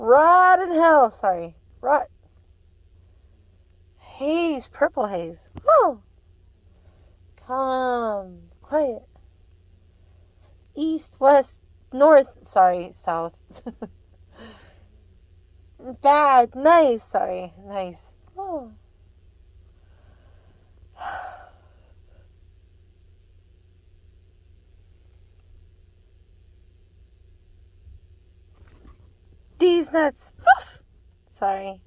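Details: Adult woman with Tourette syndrome repeating words from a list during an audiologist's hearing test, with tics adding extra repeated words that she corrects; vocal tics (Tourette syndrome).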